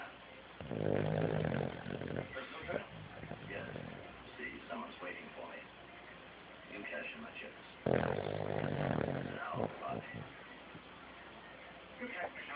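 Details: Two long, low, rattling snores several seconds apart, with faint background speech in between; snoring.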